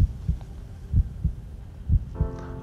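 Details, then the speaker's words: Strong, loud heartbeat of a man with a transplanted donor heart, loud enough to hear sitting beside him on the couch; deep, forceful lub-dub at about 65 a minute, soft music entering at the end. "sometimes I could hear it sitting next to him on the couch and I said is this normal is always so loud I said that's just the way it is they told me it's a really really strong"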